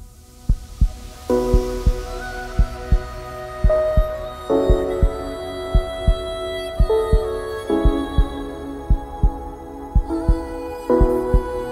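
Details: Simulated heartbeat sound effect: regular low thumps about 57 a minute mixed into slow epic orchestral music with partly female voices.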